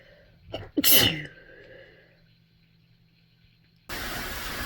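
One sharp, explosive sneeze after a brief intake of breath, then quiet and later loud background hiss.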